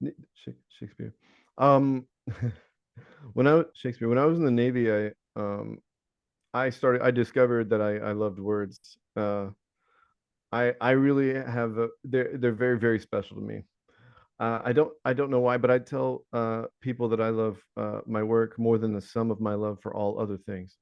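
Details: Adult man with Tourette syndrome whose vocal tic, the word "Shakespeare", recurs throughout his speech; he links it to OCD; vocal tic.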